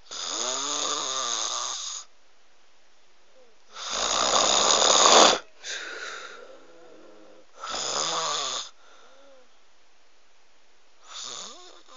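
Loud, rough, rattling snores on each breath in, about five in twelve seconds, with quiet pauses between; ordinary heavy snoring.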